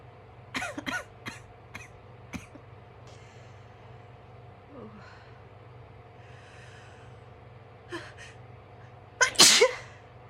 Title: not allowed to blow my nose again but with loud sneezes this time!